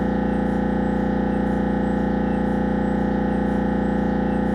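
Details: Siemens Magnetom Avanto MRI head scan: loud, steady, rapidly pulsing buzz with a droning tone; MRI scanner noise.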